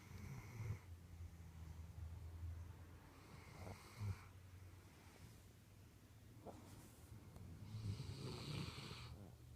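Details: Sleeping dogs snoring: low, rumbling snores with airy hissing on each breath, about three breaths at a slow sleeping pace.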